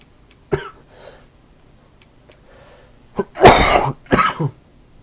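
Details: Dry cough recorded while playing a video game; a few short, harsh, dry coughs and a throat clear, with no rattle or wet sound.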